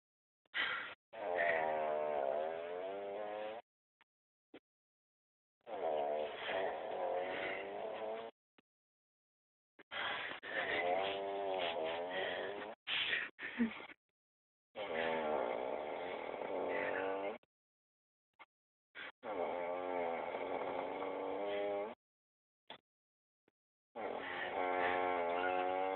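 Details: Brother snoring, described as weird: loud tonal snores about 13 a minute, each a long buzzing, wavering breath sound.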